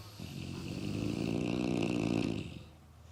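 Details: One of two animals lying and snoring, one louder than the other: one long, rough, rattling snore lasting about two seconds; snoring.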